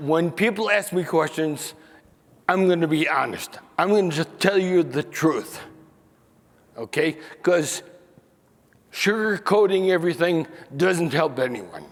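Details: Man aged nearly 68 with spinocerebellar ataxia diagnosed in 1995 (about 28 years earlier), who lost the ability to sing and to make announcements, mispronounces names, and reports forgetting what he is saying; ataxic dysarthria.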